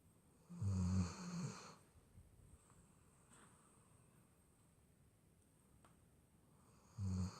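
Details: Dog snoring: a low rumbling snore on the in-breath, a long quiet pause, then the next snore begins.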